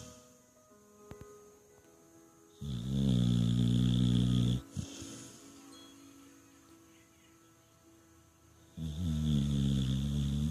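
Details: Shar Pei/Pit mix dog snoring while asleep: two long, deep, rattling snores separated by a quiet pause, faint background music.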